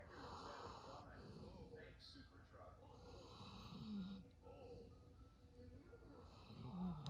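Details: Golden Labrador sleeping: low, rough snoring on slow breaths, about 20 a minute, over some room noise; snoring.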